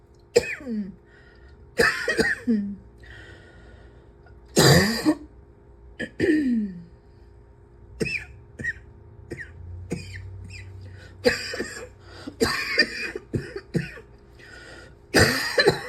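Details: Adult with a persistent cough who feels unable to breathe without coughing: repeated harsh coughs in bouts with short throat-clearing sounds between them, and a faint steady hum in the room.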